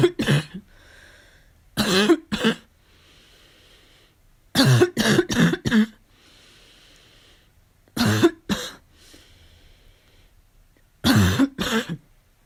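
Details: Barking cough during a fall cold: harsh, barking coughs in short bouts of two to four, about eleven coughs in all.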